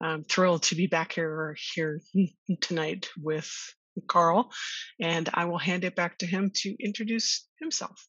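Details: Stuttering in an adult woman who has stuttered since childhood, attended speech therapy growing up, and discloses her stuttering in job interviews; she co-hosts a webinar on workplace stress and anxiety for people who stutter.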